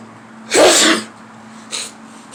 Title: Outside Sneeze